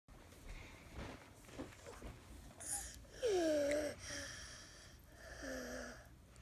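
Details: A child's breaths in carry a loud, high-pitched crowing whistle, with a croup cough: inspiratory stridor from a narrowed upper airway.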